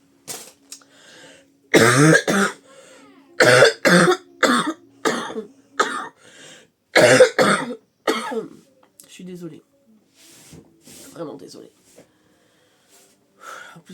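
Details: A woman who says she is ill and exhausted: several short coughs and throat clearing amid quiet sounds and brief murmurs.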